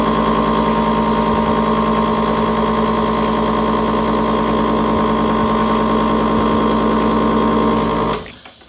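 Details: Cystic fibrosis patient's nebulizer compressor, used three to four times daily for breathing treatments through a mouthpiece: loud, steady buzzing motor hum that cuts off at the end.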